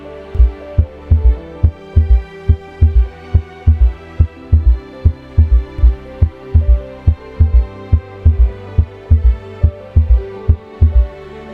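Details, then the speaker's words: Third heart sound (S3 gallop) in a heart sounds teaching recording: regular heartbeat about 71 a minute with a soft extra low thud after the second sound. "S3 is usually a result of volume overload potentially caused by heart failure regurgitation lesions and dilated cardiopathy it can also be seen in healthy"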